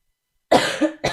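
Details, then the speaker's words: Two abrupt, harsh coughs in quick succession, the first with a short voiced tail, from a young woman on a live stream; she says she coughs all night and can't sing because of the cough. "I think this. I can't sing because I cough. That's why I shouldn't have been to the concert yesterday, because yeah, concert is in Ullevi, yeah."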